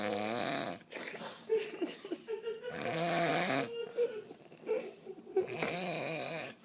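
Loud, rough snores on each in-breath, with several strong rattling snores and short pauses between them.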